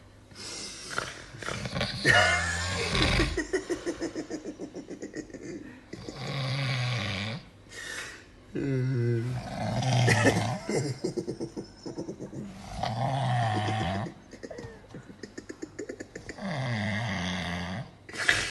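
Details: Very loud irregular rattling, fluttering snores with gasping intakes, about 9 a minute, from an adult man passed out asleep after drinking; snoring.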